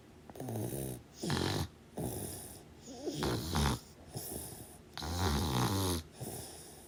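Loud, rough, rattling snores on each breath in and softer noisy breaths out, roughly 15 breaths a minute: heavy snoring.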